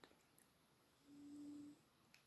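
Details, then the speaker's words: A sleeping cat gives a single soft, steady, humming snore lasting under a second in a quiet room: snoring. "snoring cat."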